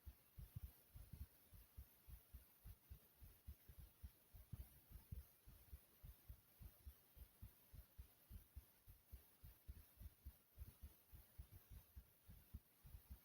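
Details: Steady, regular low thumps of a normal adult heartbeat, with paired beats and faint background hiss; the uploader's own heartbeat.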